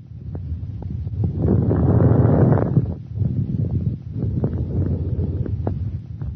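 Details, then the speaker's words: Fine crackles on lung auscultation: discontinuous, high-pitched, short crackling clicks during inspiration, scattered over the breaths as an abnormal added lung sound. "Fine crackles are discontinuous, high-pitched, short crackling sounds on inspiration."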